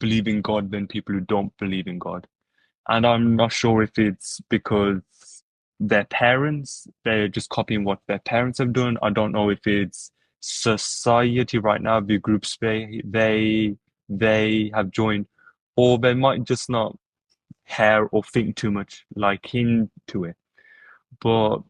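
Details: Adult podcast host who stutters, with word repetitions; stuttering.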